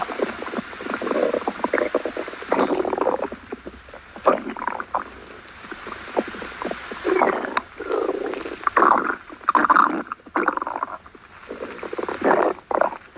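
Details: Loud, irregular gurgling and rumbling stomach growling from an adult; ordinary bowel sounds (borborygmi).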